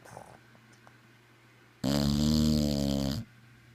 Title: Snoring again